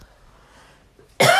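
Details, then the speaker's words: Adult podcast host with asthma, worse in springtime, coughing while recording: quiet room, then one abrupt loud cough burst; asthma cough. "Sorry, it's kind of an asthma cough."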